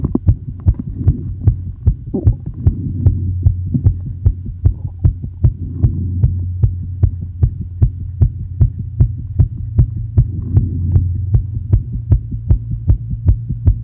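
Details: Female heart recorded with ECG after asthma and likely excessive inhaled salbutamol: fast, regular heartbeat about 150 a minute over a steady low hum; tachycardia ranging from the 110s up to 170 bpm, with pushes and exhale breath-holds tried.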